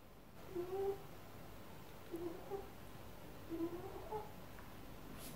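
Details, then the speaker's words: Pet rabbit snoring in the background of an indoor talk; faint snoring sound. "Il y a mon lapin qui ronfle, je ne sais pas si vous l'entendez."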